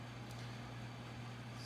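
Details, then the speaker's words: Steady low hum of a CPAP machine running at full speed, drawing 56 watts from a portable solar generator, with no breathing sounds heard. "um this thing is running full speed as you can see we're pulling 56 watts now and at that rate i got 5.76 hours of sleep"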